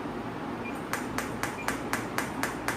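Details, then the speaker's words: Biotronix PEMT loop pulsed electromagnetic therapy device near the shoulder joint, intensity raised from 2 to 3 to 5: sharp regular clicks, about four a second, over steady room hum, changing with intensity. "And uh now I will show you the uh by increasing the intensity and you can hear the sound how intensity is changing because uh I can't take up to five on my shoulder joint."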